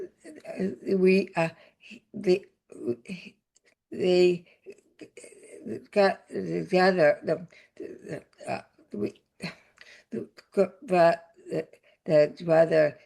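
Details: Non-fluent aphasia with paralysis after a significant stroke in an adult woman, a former Stanford professor; stroke survivor speaking.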